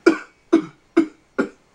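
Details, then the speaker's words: Imitation of a cigarette smoker's morning cough on waking: four short, sharp, evenly spaced barky coughs; simulated barking cough. "The first thing they do when they wake up is they have a really bad barky cough."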